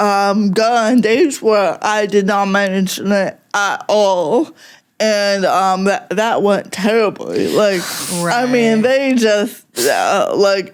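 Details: Adult woman with cerebral palsy affecting mostly speech, also fine motor skills and slightly walking, no mobility aid; talking is harder for her: dysarthria (cerebral palsy).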